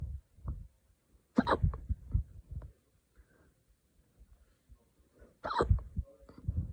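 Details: Adult hiccups after drinking wine too fast: two sharp, sudden hiccups about four seconds apart, with soft thumps and quiet room sound between; hiccups.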